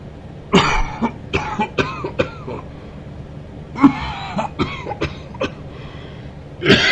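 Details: Man coughing during sleep: repeated harsh coughs in two clusters, about eight coughs; nocturnal cough.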